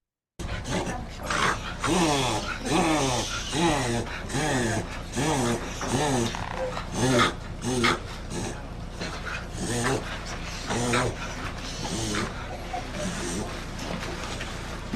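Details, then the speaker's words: Dog reverse sneezing: a run of loud, honking, snorting breaths drawn in through the nose, a reflex like a sneeze in reverse, usually from nasal irritation, often mistaken for choking. "so this is a dog that is reverse sneezing and reverse sneezing is exactly what it sounds like it is a reflex the same way you sneeze it just goes the other way"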